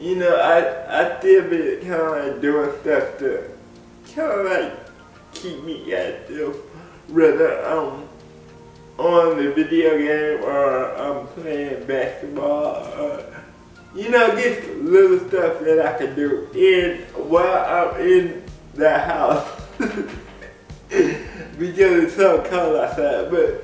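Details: Adult man with cerebral palsy speaking in a video blog; dysarthria.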